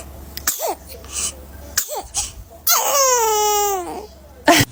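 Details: An adult builds up with gasping voiced breaths and a drawn-out 'ahh' before one sharp, explosive sneeze, mid photoshoot.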